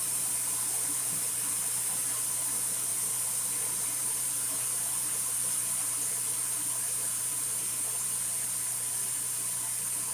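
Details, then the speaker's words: Continuous steady hiss of gas flowing as an empty portable oxygen cylinder is pressed onto its base and fills, producing noise and vapour: oxygen cylinder filling hiss. "And we're going to press this portable oxygen, and it will produce a noise and smoke. Okay, so while we're filling the oxygen, we can dance."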